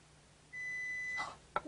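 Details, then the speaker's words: Child hearing test at a university audiology clinic after recent ear infections, play audiometry with pegboard responses: a single steady high pure-tone audiometer beep under a second in a quiet room, then a brief clatter. "no take a block hold it up tightly and listen and when we hear a sound we're going to put the peg in all right listening nicely let's try one together"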